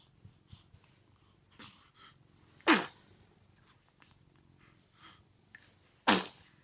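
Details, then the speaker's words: Baby sneezing: two sharp, explosive sneezes a few seconds apart, with quieter snuffling and sniffing between them in a quiet room; sneezing. "Did you like that sneeze? Did you like that sneeze? Bless you. Bless you."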